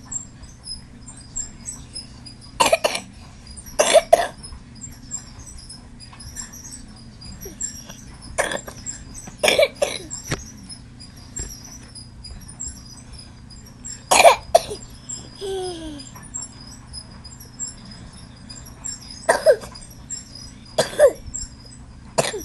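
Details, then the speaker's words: A toddler gives about eight short, deliberate cough bursts: a pretend (fake) cough, not an illness cough. "yes tune in to grindbone tonight to help cure my poor son's fake cough"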